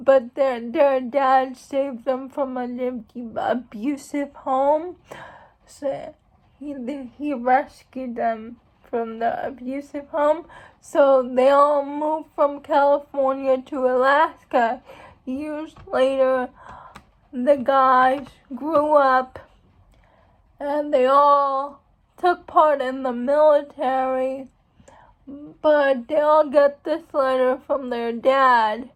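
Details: Female speaker who states she has cerebral palsy, real condition; speech in cerebral palsy (possible mild dysarthria).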